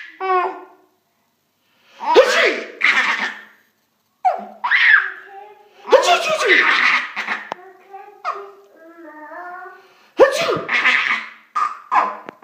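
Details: A father sneezing repeatedly in abrupt, explosive bursts while a child giggles and laughs between them; repeated sneezing.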